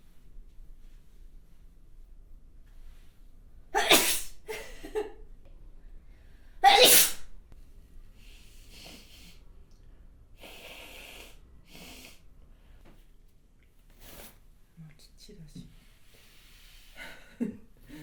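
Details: Two forceful, wet-sounding spray sneezes from an adult woman, followed by quiet sniffs and breaths; sneezing.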